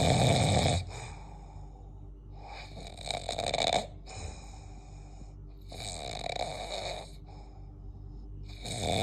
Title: Snoring all night